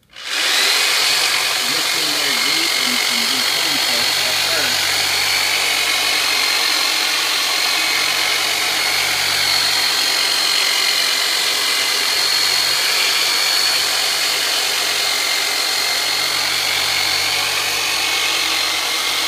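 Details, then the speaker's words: Steady, loud, hissing mechanical buzz with a faint whine throughout: a powered soft-tissue release instrument run continuously over the hamstring of a large man with low back and sciatica problems, to separate muscle fibers and loosen fascia. "and bar the best M FAL release instrument tool I've ever used to separate the muscle fibers and LAX of fascia in there"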